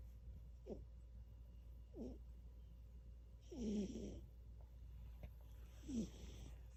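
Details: Snoring during sleep: soft snorting snores about every two seconds, some with a faint whistle, over a steady room hum.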